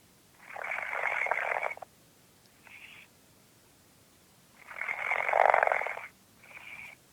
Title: Snoring Liddo Boy!!:D "Munchkins"!!:D